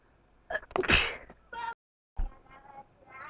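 A sharp burst of sneezing followed by voiced noises after a short pause; allergy-related sneezing.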